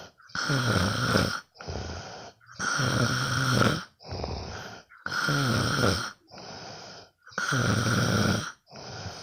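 Loud, regular rattling snores on each in-breath, with quieter out-breaths, about 13 breath cycles a minute; ordinary snoring during sleep.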